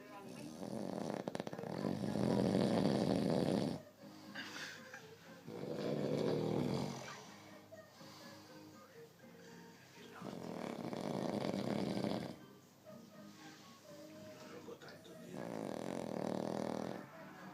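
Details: Loud, rattling snores on each breath, about four over seventeen seconds, with quieter breathing between and faint background music; snoring.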